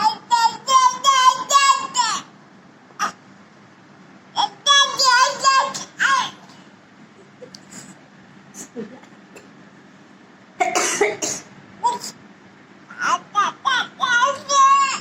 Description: 6 month old Baby Crying Sound Effect